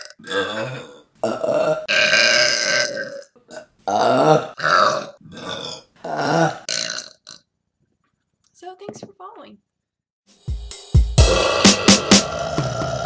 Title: Burping Compilation July #1 | RBC